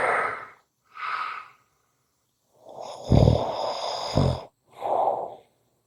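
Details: Short snoring recording: several breathy, rasping breaths with one longer, rougher snore in the middle, in a quiet room.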